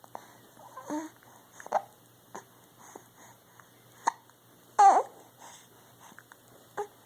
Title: Baby noises & hiccups....